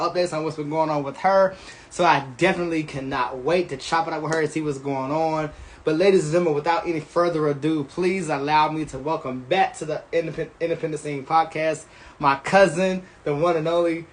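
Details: Adult man speaking; Normal voice.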